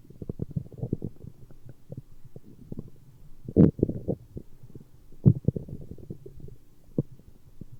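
Low, irregular gurgling and rumbling with a few louder squelches throughout: ordinary stomach growling from gas and fluid moving through the gut.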